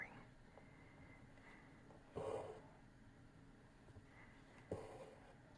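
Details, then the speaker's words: A sleeping pet snoring: two brief snorting breaths a couple of seconds apart in a quiet room. The owner says this is how she normally breathes when asleep. "pinkie's sleeping can you hear her snoring"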